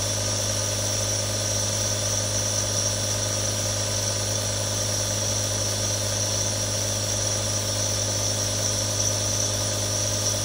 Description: In this video, you will be transported to a world of tranquility with the real sounds of three different nebulizers.